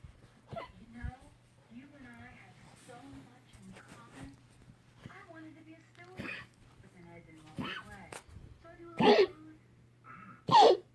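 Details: Stella, a dog, coughing: two loud, abrupt, slightly honking bursts near the end, over quiet human talk and a steady electrical hum.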